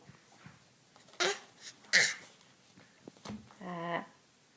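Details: Young child sneezing: two quick, sharp sneezes in a quiet room, followed by a brief voiced whine.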